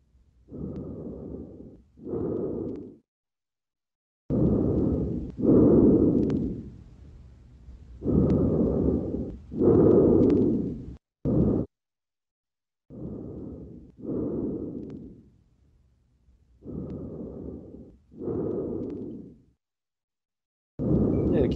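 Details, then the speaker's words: Soft breath sounds on lung auscultation: vesicular murmur somewhat diminished on the right, with faint fine crackles, in a patient also assessed for pericarditis. "O murmúrio vesicular tá um pouco de mim não rir o direito e ele tá com um pouco de pregação fina também"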